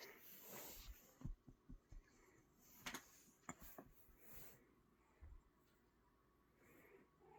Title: Baby Girl Wheezing